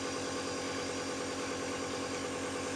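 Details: Dr. Sanaya CN-R01 low-noise compressor nebulizer for child and adult: continuous steady motor hum with a fine rattling buzz; nebulizer compressor running.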